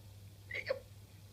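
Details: A one-year-old child being coaxed to say "watermelon" gives a single brief, sharp voiced catch over a steady low room hum: a hiccup.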